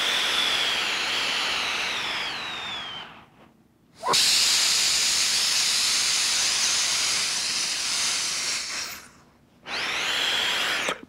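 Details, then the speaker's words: Long hissing airflow of a deep, slow breath drawn against resistance through a respiratory muscle trainer, about 4 seconds inhaling and 4 exhaling, with a brief pause between breaths. "So I tell people 4 seconds inhalation time, 4 seconds exhalation time, okay? You want to keep some water with you, your mouth's going to get dry, it's not a big deal."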